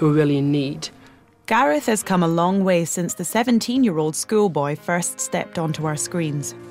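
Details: Adult narrator; Fluent speech.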